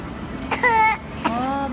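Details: Young child's acted, pretend cough, faked while claiming to need vitamins: a brief throat-clearing cough followed by a drawn-out voiced sound.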